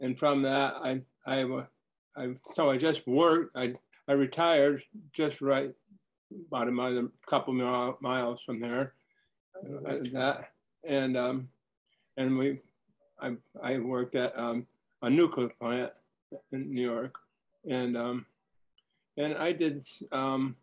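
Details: Retired man in his 60s diagnosed with primary progressive aphasia the previous summer; speaking has gotten harder, with word-finding difficulty, repetitions and fragmented sentences; primary progressive aphasia.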